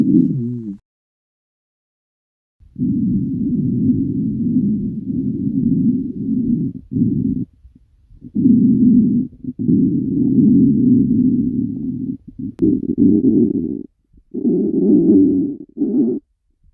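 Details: Girl, hungry: long, low, gurgling rumbles in several bursts of loud stomach growling. Stomach growling (borborygmi).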